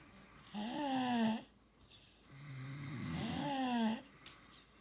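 Two loud, rattling inhaled snores with a gliding buzzy tone, separated by quiet exhalations; ordinary snoring.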